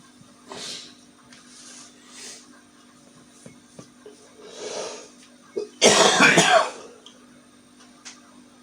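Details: Morning smoker's cough in a 48-year-old man: soft rasping breaths, then one loud, harsh burst of rapid coughing.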